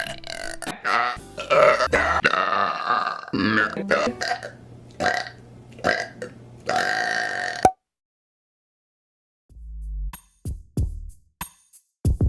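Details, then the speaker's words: Long, loud, rumbling burps over background music, followed by short voiced bursts; burping. "I feel like I have a burp. Oh, that felt so good."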